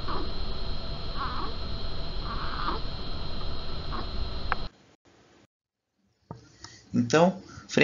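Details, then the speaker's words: Short, repeated expiratory grunting from a newborn in respiratory distress with signs of respiratory effort, over steady background hiss. "Observem os sinais de esforço respiratório e também ouçam a gemência desse bebê com dificuldade respiratória."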